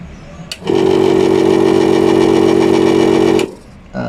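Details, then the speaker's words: Steady loud motor hum that starts and stops after about three seconds from a Life Care nebulizer compressor that was submerged in floodwater for two to three days; the motor runs but pumps no air, a fault. "এটার সমস্যা হচ্ছে এটার বাতাসটা pump করতেছে না line দিলে কিন্তু মোটা চলে একটু"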